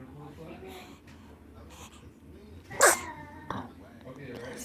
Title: Sneezes (and bathtime in the background)